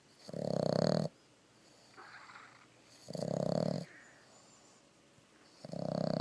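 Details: Boston terrier–pug mix dog snoring while asleep with her eyes open.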